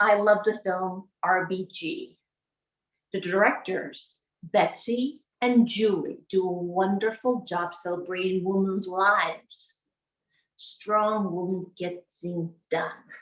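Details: Adult woman with aphasia after a 2011 gunshot wound to the head, delivering a practised, memorised speech with her speech-language pathologist present; aphasia.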